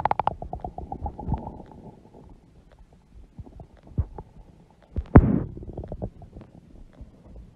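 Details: Gurgling, rumbling bowel noises from a large belly with bursts of bubbling and low growls; stomach growling (borborygmi) from moving gas and fluid.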